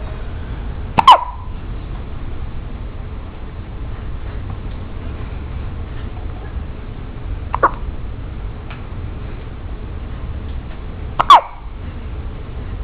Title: hiccups!